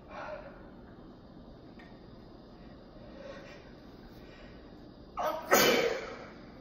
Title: Kitchen sneezes